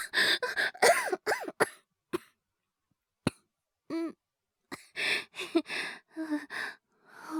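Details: Simulated: a male voice actor playing a young boy with a cold gives several bursts of dry coughing and throat clearing with short pauses between them; cough.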